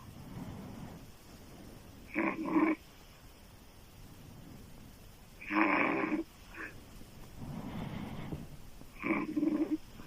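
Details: Adult woman snoring loudly with open mouth: harsh snores on three breaths in about ten seconds, quieter breathing between.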